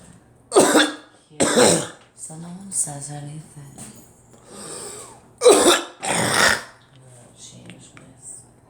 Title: Me coughing